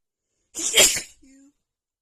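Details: One loud, explosive sneeze with a brief voiced tail in a quiet room, from a female during a super itchy sneezing attack.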